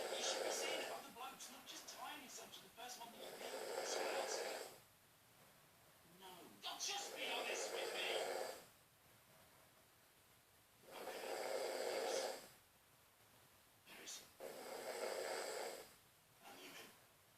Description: My dad snores soooo bad that I thought I would take a video of him on his phone whilst he was snoozing to get my own back on him hahahahahaha :-D.